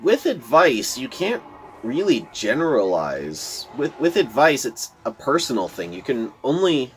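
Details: Adult man who says he stutters a lot, giving casual commentary over gameplay. Finding: stuttering.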